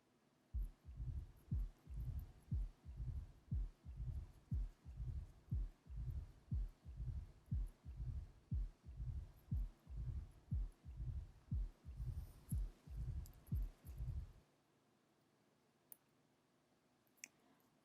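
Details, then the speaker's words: Severe mitral stenosis: regular heartbeat near 60/min with an opening snap and a low diastolic rumble filling the gaps between beats; the murmur is typically enhanced by expiration. "murmur is typically enhanced by expiration due to an increase in venous return from pulmonary veins to the left heart"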